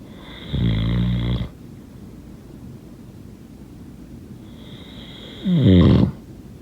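Two loud, low, buzzing snores about five seconds apart, with steady background hiss between. Snoring during sleep.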